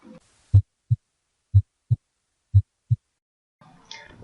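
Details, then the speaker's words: Cardiac auscultation in a heart assessment: three clear, regular lub-dub pairs at about 60 beats a minute without extra sounds; normal S1 (valve closure, best at mitral area) and S2 (best at aortic area) heart sounds. "a normal heartbeat contains sounds of its vows closing these can best be heard through oscilation and are called S1 and S2 a normal heartbeat sounds"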